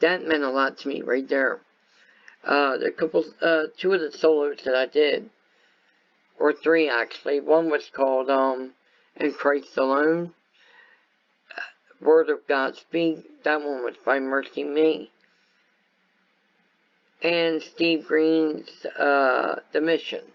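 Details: Adult man with viral meningitis and very high fever at about six weeks old, which also affected his walking, eyesight and hearing; lifelong speech impairment after infant viral meningitis.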